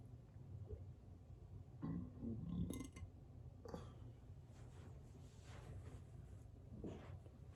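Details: Burps on command with mild abdominal bloating.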